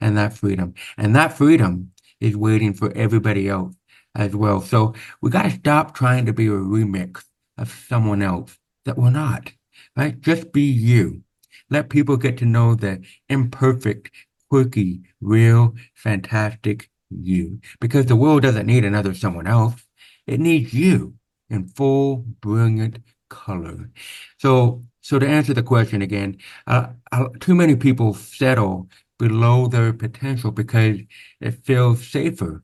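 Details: Deaf speech (hearing-loss accent) in a man born with very severe/profound hearing loss (about 90%), with over 13 years of speech therapy; real, not acted.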